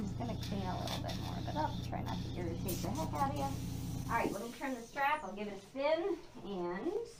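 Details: Tracheoesophageal speech in a laryngectomee talking with a tracheoesophageal puncture (TEP) voice prosthesis after laryngectomy surgery.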